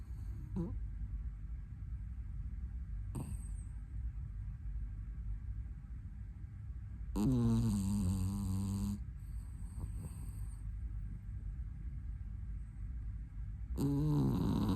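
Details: Irregular nasal snorts and a few longer rattling snores from a sleeping puppy over a low hum: puppy snoring.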